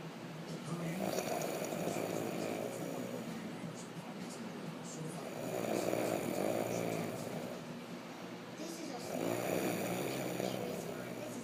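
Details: Snoring during sleep: three rattling snores on the in-breath, about 16 breaths a minute, each followed by a quieter out-breath.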